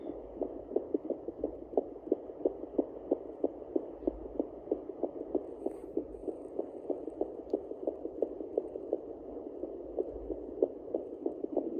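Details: Fetal Doppler on a pregnant Yorkshire terrier at day 49, previously scanned for 3 puppies: rapid, steady whooshing pulses about 185 beats a minute, a fetal puppy heartbeat.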